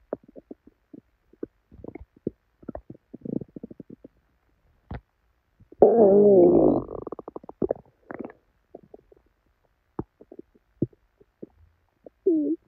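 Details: Tummy growling with diarrhea after drinking probably expired milk: frequent irregular gurgles, pops and a long rolling growl from the belly; loud, active bowel sounds (borborygmi) with stomach upset.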